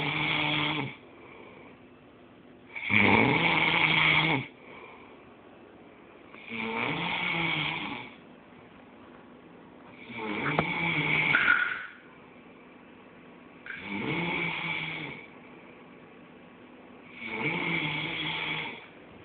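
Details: Friend snoring loudly in a quiet room with rattling snores about every three and a half seconds, roughly 17 a minute, before being hit in the face.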